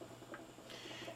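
A faint, steady, irregular patter of small bubbles comes from the water chamber of a bubble CPAP device. The bubbling is normal and shows that the set pressure is being held. Quiet room noise is in the background.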